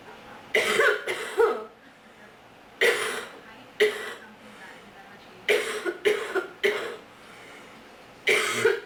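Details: Person who reports bad allergies, feeling sick for a long time and a very sore throat, coughing: about nine sharp coughs in quick clusters of one to three over nine seconds, some with a throat-clearing quality.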